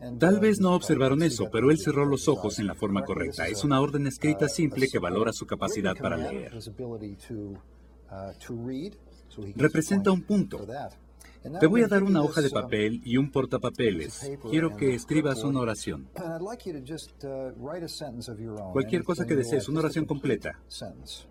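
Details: Adult male narrator speaking Spanish, with brief English speech underneath; normal speech.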